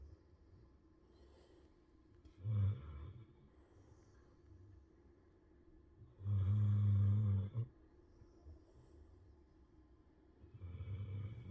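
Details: Sleeping snoring: deep, low rumbling snores, two clear ones and a third starting, spaced several seconds apart, over quiet room noise.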